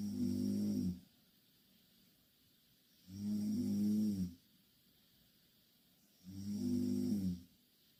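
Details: Three loud, rough inspiratory snores at about 19 per minute, with quiet pauses between them: heavy snoring during sleep from two Korean girls sleeping in the same bed.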